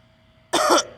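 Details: A 37-year-old woman with heavy congestion, feeling sick, coughs mid-talk; a single short, harsh cough burst after quiet, loose and congested in quality.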